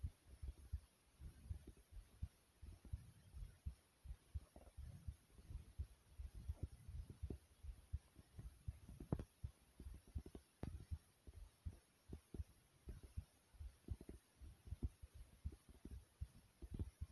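Steady low thumping heartbeat at a slightly quick pace, with a faint low background hum.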